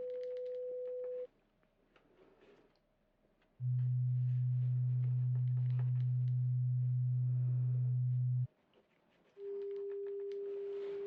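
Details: Simulated pure tone audiometry in an ASMR hearing-test role-play, tones through headphones while the listener raises a hand on the side heard: steady pure tones at different pitches, including one long low tone, over faint room noise.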